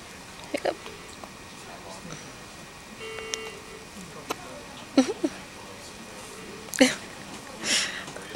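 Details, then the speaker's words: Infant girl with hiccups, filmed by her father: short, sharp hiccup catches at irregular intervals over steady room noise, a few close together; not severe. "Hiccup. Hiccup. Hiccup."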